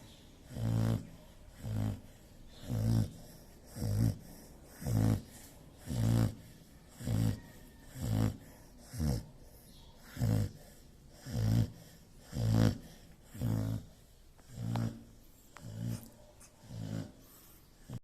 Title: Dog Snoring. Asong humihilik.